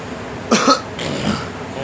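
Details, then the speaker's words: One or two short, dry cough bursts amid room noise from a girl who says she wants to cough but it comes only here and there; weak cough, later bringing a little up. "I want to cough, but my body doesn't want it. It just coughs here and there."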